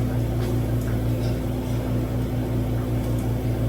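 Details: Home oxygen concentrator being set up for a 1-month-old baby by a home care provider: steady low mechanical hum with a faint rhythmic pulsing, running normally.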